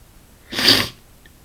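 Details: Male with a cold, runny nose and itchy eyes, in a short sneezing fit: one sharp, hissy sneeze in a quiet room.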